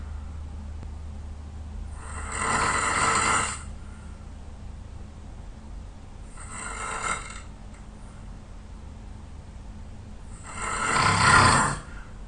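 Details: Very tired sleeper snoring heavily: three loud, rasping snores on breaths in, about 15 per minute, with quiet pauses between them.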